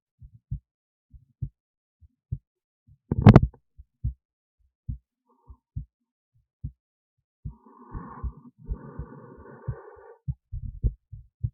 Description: This is a recording of my heartbeat with an Esaphogeal Stethoscope. So the stethoscope is actually in my esophagus resting near the heart.